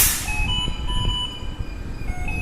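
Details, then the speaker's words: Philips Esprit turbine-based ventilator, FiO2 set to 100%, sounding its low O2 supply alarm: electronic alarm tones over a low rumbling hum; the cause was a loose oxygen hose connector. "of 100%. Now there is alarm of low O2 supply. Low O2 supply. Okay, so there is some problem with the oxygen supply."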